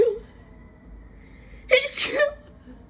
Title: Loud allergy sneezing fit on the patio